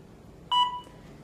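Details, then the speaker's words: Single short electronic start-up beep, in a quiet room, as a phone-connected blood glucose meter switches on once the test strip's black end is inserted, before a lancet fingerstick blood sample is taken. "Mittari käynnistyy, kun testiliuska on laitettu paikoilleen."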